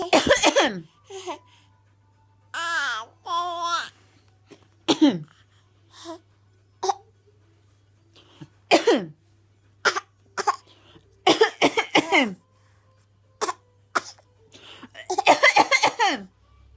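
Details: 7-month-old baby coughing: short, light infant coughs in separate bursts, mixed with babbling and laugh-like voiced sounds.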